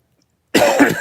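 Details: After a brief silence, one short, harsh adult cough with a throaty edge from a speaker feeling lethargic and low on energy. Lingering post-COVID cough.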